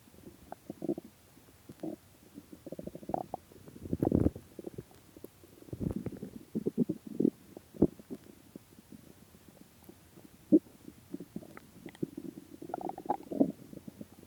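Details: Person's stomach after about 76 hours (3 days 4 hours) without food, repeated low gurgling and rumbling bursts; hunger stomach growling (borborygmi).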